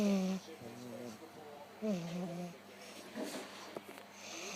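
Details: Staffordshire bull terrier asleep, making snorting, wheezy snoring breaths with squeaky, voiced tones in a small quiet room; dog snoring.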